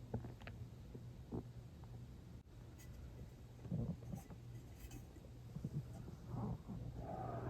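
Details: Low gurgling rumbles over a steady low hum, rising in bursts toward the end, from a person who was not very hungry, had eaten recently and drank water near the end: stomach growling (borborygmi).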